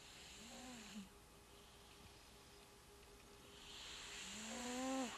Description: This is my cat Kiddo having sweet dreams while snoring.